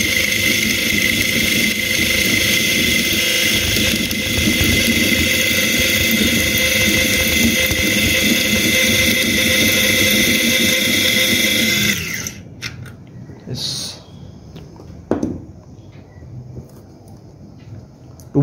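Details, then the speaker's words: Zygomatic implant drilling into the dense zygomatic bone of a maxilla model, without irrigation and with the handpiece heated: a loud, high-pitched steady surgical drill whine for about twelve seconds, then stopping. "Yeah. The handpiece has got heated up. This is a very dense kind of situation."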